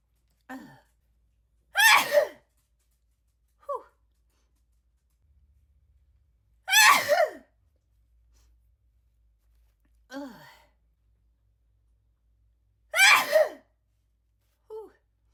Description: Back-to-back sneeze attack